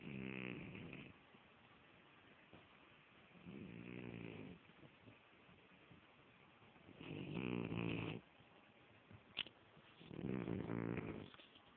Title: Cutee!! Seti snoring